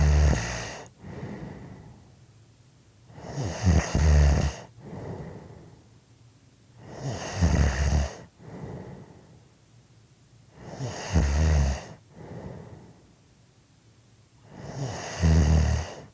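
Loud, rough snores on each breath in, with quieter breaths out, about 15 breaths a minute; ordinary snoring.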